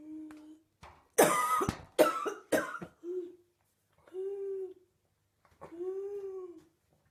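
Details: Adult mother woken at 3 am by a bad coughing fit: three harsh coughs followed by drawn-out voiced retching, a cough with gagging.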